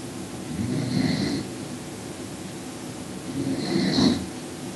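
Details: Two loud, rough snores on the in-breath, a few seconds apart, from a sleeping man over steady room hum; snoring.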